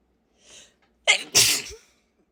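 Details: A strong sneeze: a short in-breath followed by one forceful, explosive sneeze with a hissing burst of air.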